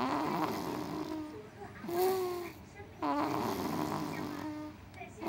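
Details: Baby snoring: rattling, fluttering breaths with squeaky, nasal tones on each breath.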